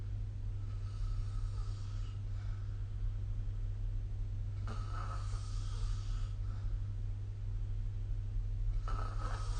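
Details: Rough, rattling snoring breaths during sleep, about every four seconds, over a steady low hum, recorded with the SnoreLab phone app.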